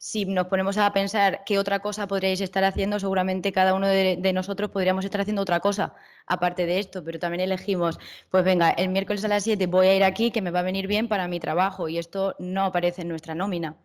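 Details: Adult woman speaking Spanish; typical speech.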